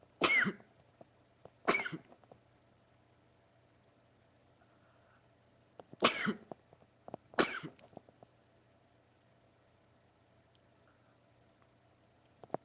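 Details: Male sneezing in a run of 20 sneezes: four sharp explosive sneezes in two pairs, quiet breathing between, low steady room hum.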